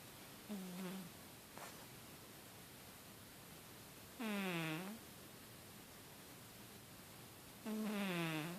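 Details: Loud snoring: short, vibrating, voiced snorts roughly every 3 to 4 seconds over a steady background hiss.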